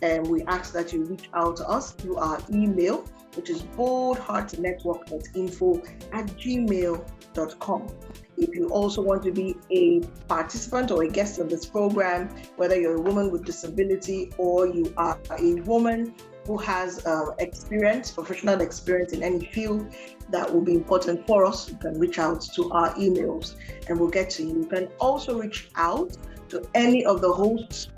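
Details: Adult woman speaking; Normal speech.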